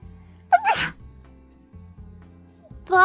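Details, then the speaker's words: Streamer on a live stream says she must sneeze and wants to mute her microphone: a quick intake, then a single voiced, high-pitched sneeze and a vocal sound; sneezing. "I'm going to sneeze I have to mute my microphone I am simply cannot sneeze on camera I don't have a cute sneeze"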